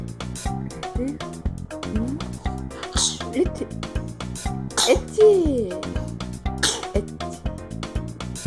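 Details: Baby sneezing: several short, sharp infant sneezes, about three, partly masked by loud background music.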